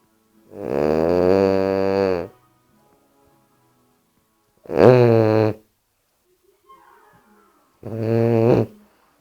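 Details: Bulldog asleep on the owner's leg, snoring loudly: three voiced, groaning snores at about 18 a minute with quiet pauses between.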